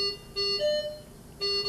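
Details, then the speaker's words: Datex Aestiva anesthesia machine checkout: oxygen hose disconnected from the central pipeline, oxygen tank valve closed, and oxygen flush pushed to bleed the system. This triggers repeating two-note electronic tones of the expected low oxygen supply pressure alarm. "close the oxygen tank valve and push the oxygen flush valve to bleed oxygen from the system at this point you should hear and see the low oxygen pressure"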